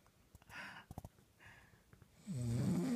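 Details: Faint breathing noises, then a loud, rough, rattling snore on the in-breath; snoring.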